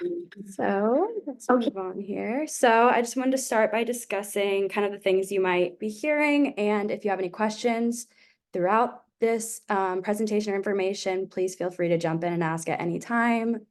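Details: Adult woman; typical speech.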